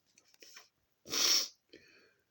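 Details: Sneezing during a histamine attack: a soft intake of breath, then one loud, explosive sneeze with a brief breathy trailing sound in a quiet room, followed by a sniff; sneezing.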